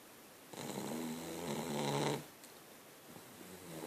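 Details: Italian Shih-tzu, a small flat-faced dog, snoring: one long, buzzing, rattling snore on the in-breath, then quiet breathing.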